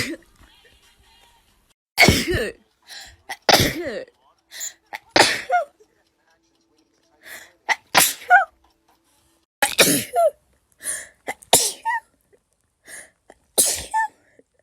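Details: A series of about eight to ten sharp sneezes with intake breaths between from a person who sneezes frequently, not thought to be allergies, just woken up, with faint music in the background; sneezing.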